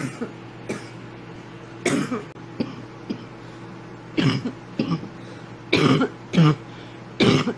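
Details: Young woman hits a bong and has a big coughing fit: about ten harsh, irregular coughs in quick clusters over a steady background hum.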